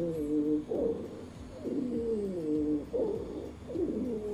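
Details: Simulated lung sounds from a Tellyes auscultation manikin: musical, whistling wheezes in several tones repeating with each breath, about four cycles.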